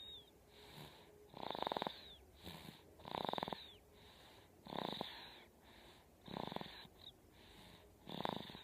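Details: Sleeping dog snoring after a long day of hard play, with Lord of the Rings playing: regular snores about 37 a minute, each a rough rattling burst with a whistling edge, under faint background music.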